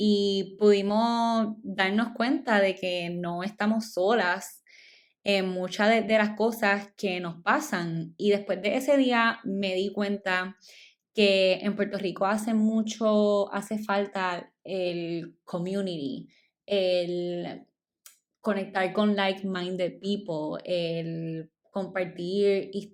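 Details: Adult woman speaking Spanish, stuttering since childhood; she says it shows less when recording alone and is stronger in Spanish than in English; stuttering.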